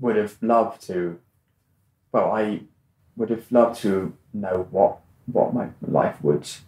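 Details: Adult man who has stammered since childhood, for about 25 years; stammering.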